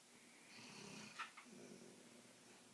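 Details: A sleeping female dog snoring loudly enough to wake herself up; soft, rough breathing rises and falls in a quiet room, with a brief sharper snort in the middle.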